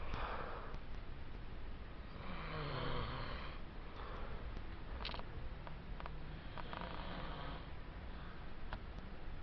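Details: Low rattling snores on each in-breath, with a few sniffs and snorts between, from a sleeping brother against steady room noise; snoring.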